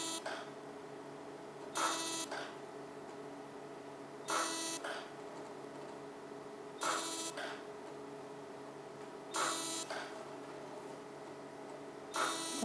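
Repeated short buzzing bursts about every two and a half seconds over a steady hum: a fractional CO2 laser firing during skin treatment.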